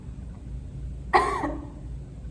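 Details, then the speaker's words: One short, strong voluntary cough from a female patient during a student physical therapist's cough assessment. It has a clean, sharp onset and a brief tail, and was judged normally coordinated: diaphragm, glottic closure pause, then abdominal contraction. "okay so from her cough i could tell that her diaphragm contracted first as she took a breath in and then there was a pause which indicates that her epiglottis did close then her abdomen contracted and that's when her glottis opened and she exposed expelled her cough"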